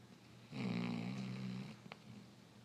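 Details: 3-year-old Basset Hound asleep: one long, buzzing, throaty snore lasting over a second, then quiet breathing and a faint click; snoring.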